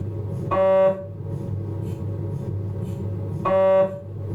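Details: MRI scanner noise from a Philips 1.5T abdominal scan: two loud buzzing tonal bursts about three seconds apart over a steady low hum.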